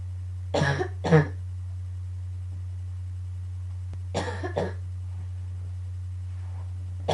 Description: I just woke up and went right into a coughing fit.started to hurt at the end :/